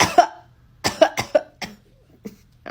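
A short run of about five or six dry, harsh coughs; reflex coughing set off by a nasal swab.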